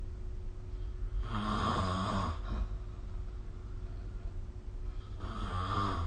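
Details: Snoring sleep sound recorded with the SnoreLab app.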